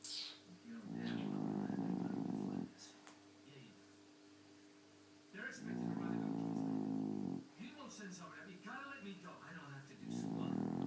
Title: Snoring dog